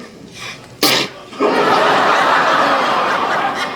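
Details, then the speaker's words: A single abrupt sneeze, followed by noisy room sound, in an acted TV comedy scene. The character blames allergies, and cat dander is mentioned. "Are you sick? No, I've got allergies."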